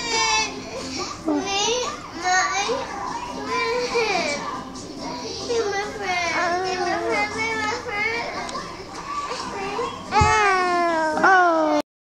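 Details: Infant crying while lying on tummy: continuous fussing and wailing cries, rising into louder cries near the end.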